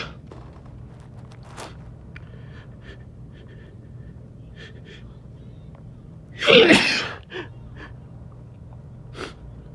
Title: I Gotta Sneeze